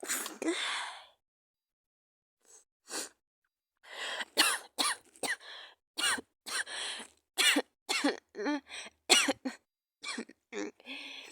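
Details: A person with a bad cold and fever, sneezing and coughing in bed: a run of short, sharp coughs and throat-clearing in quick bursts separated by brief silences.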